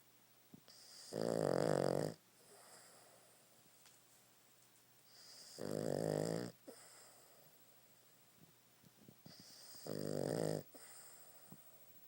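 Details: Three loud, rough, rattling snores about four seconds apart with quiet breathing between; ordinary snoring.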